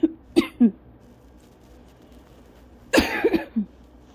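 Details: Two bursts of short, dry, hacking coughs separated by a quiet pause. This is a lingering cough in cough-variant asthma, weeks after bronchitis, and the cough persists after the illness.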